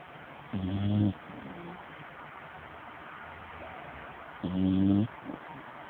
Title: snoring 2